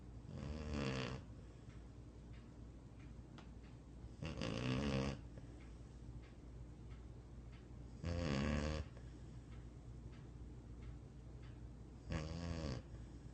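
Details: Dog snoring in sleep: regular deep snores about every four seconds, around 15 breaths a minute, over low background hum.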